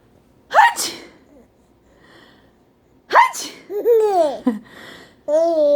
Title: Laughing at Sneezing Sound